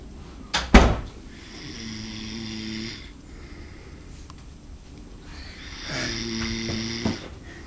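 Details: Amer asleep: two slow droning snores about four seconds apart, a few clunks in the room. Snoring.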